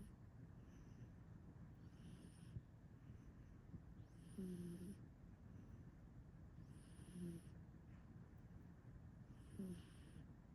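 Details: Male cat snoring in sleep: soft, regular snores about every two and a half seconds, each with a faint whistly edge; ordinary snoring.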